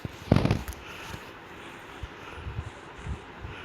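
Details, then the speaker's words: Cough from a man with a cold after a river dip during Chhath Puja, heard while he narrates a Minecraft game in Hindi with a hoarse, altered voice. "By the way, अभी नहाने की वजह से मुझे थोड़ी खांसी आ रही है। खांसी क्यों आ रही है?"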